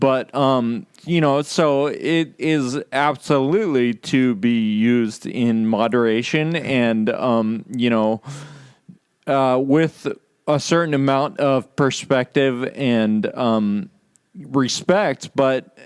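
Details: Real male patient with Friedreich's ataxia, a condition causing loss of muscle control and balance and slurred speech; ataxic dysarthria (Friedreich's ataxia).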